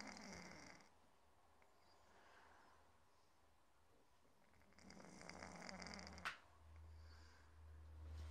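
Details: Cat snoring like a human while asleep.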